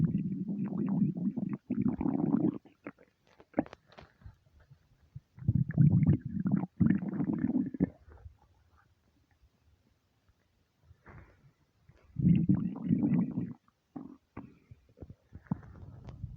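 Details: Stomach rumbling (borborygmi) from an empty, hungry stomach: long, low gurgling and rumbling bursts with bubbly clicks between them.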